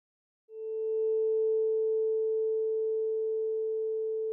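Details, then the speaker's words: Weber test with a vibrating tuning fork placed medially on the patient's head to compare bone conduction on both sides; a steady pure tone holding for several seconds, simulated. "the Weber test compares bone duction in both sides start by placing a vibrating tuning fork medially on the patient's head"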